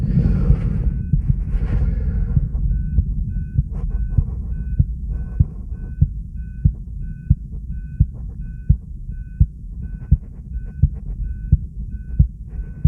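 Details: Steady, regular heartbeat at about 86 beats a minute from subject b1, recorded alongside an ECG: normal heart sounds.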